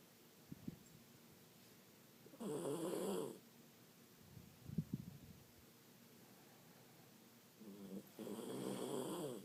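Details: Miniature pinscher snoring: two harsh, rattling snores about six seconds apart in a quiet room, with a few soft snorts between them.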